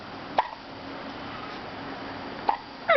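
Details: Hiccups in a baby girl: short, sharp, squeaky catches repeating about every two seconds.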